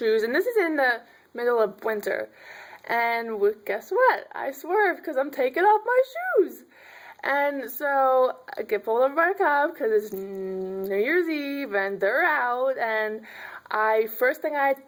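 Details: Adult woman who stutters, with trouble on prolonged sounds in certain words; she says people sometimes assume she is drunk; stuttering.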